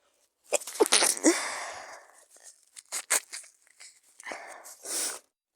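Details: Very sick person giving several sharp, stifled sneezes with hissing air bursts, several quick ones at the start and more near the end, along with coughing.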